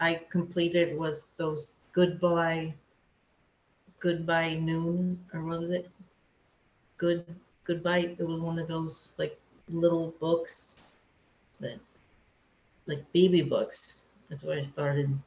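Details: Aphasia in an adult woman after a hemorrhagic stroke, affecting speaking, understanding, reading, writing and numbers; she could not talk for two years afterward and still has word-finding difficulty.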